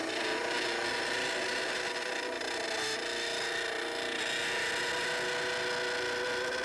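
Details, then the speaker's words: Dental model trimmer trimming the anterior arc of a mandibular plaster cast, concentric to the facial surfaces of the anterior teeth: continuous motor whine with rough grinding. "after the sides are trimmed you should trim the AR The Arc should be a concentric Circle a semicircle concentric to a circle that would be drawn through the facial surfaces of your anterior"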